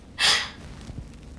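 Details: Female cystic fibrosis patient, after 15 breaths on an Aerobika oscillating PEP device, does a single forceful open-mouthed breathy huff; a huff cough for airway clearance.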